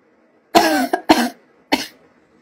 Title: adorable cough